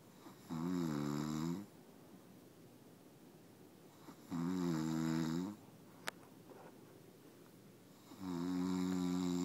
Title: Snoring husband